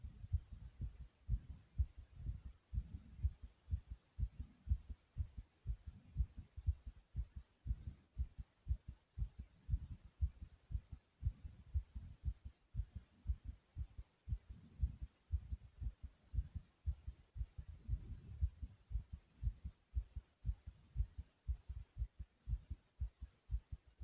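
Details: Own heartbeat with breathing: strong, regular, very thumpy low heartbeat thumps with soft breathing swells underneath.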